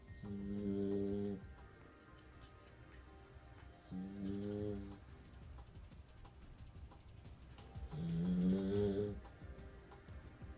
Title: Rocky (cane corso) puppy snoring